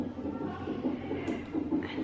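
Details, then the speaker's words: Soft, rapid, rhythmic whooshing fetal heartbeat of a baby girl on a Doppler monitor during clinic monitoring of a mother 35 weeks pregnant who is having contractions. "And you can hear her heartbeat on the machine over there."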